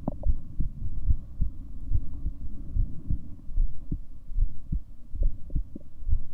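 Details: Own heartbeat recorded over 7 minutes: muffled low thumps partly buried in steady rumbling body and handling noise, with uneven spacing.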